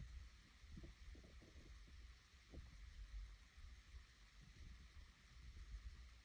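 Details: Hungry stomach growling (borborygmi): quiet, low rumbling with brief watery gurgles coming and going over a steady low background hum.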